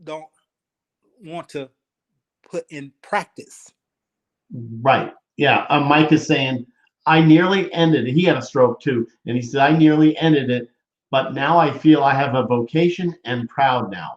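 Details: Adult male speaker; typical speech.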